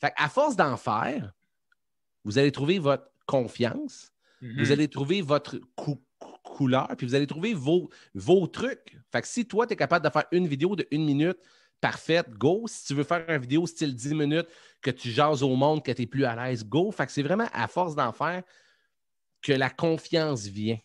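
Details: Stuttering in an adult man who identifies himself as a stutterer and says he stutters quite a lot in real life, becoming more noticeable as an interview goes on; he formerly needed many takes when filming.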